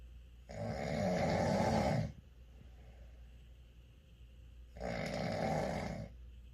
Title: Snore challenge?!? Can you out snore him!